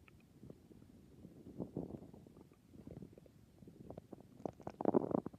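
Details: Nighttime stomach growls: low gurgling and bubbling rumbles building to a louder churning growl at the end; borborygmi.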